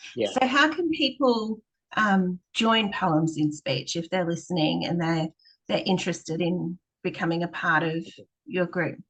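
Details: Adult woman; normal speech.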